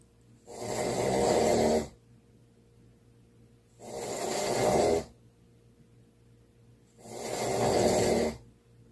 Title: #snoring